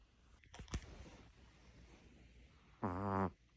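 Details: Pet snoring while asleep in a shared bed, loud enough to sometimes wake the owner: a few soft snuffles, then a single loud, buzzing snore.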